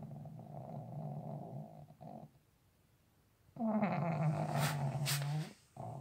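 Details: Sleeping dog snoring so loudly it is likened to a tractor: deep, rumbling snores with a loud, harsh, drawn-out snort.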